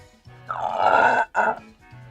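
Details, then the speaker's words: Person unable to burp makes an involuntary croaking sound instead that they cannot hold back: a loud, rough croaking gurgle, a brief pause, then a shorter croak. "I cannot burp. Whenever gases are leaving my body through my mouth, I make that weird noise. I know. Yes, that is the burp thing I do."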